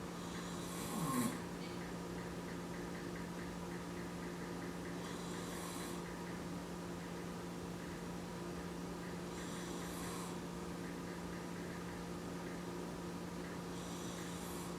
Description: yes it's just a minute and 45 second of my dad snoring...I was that bored one day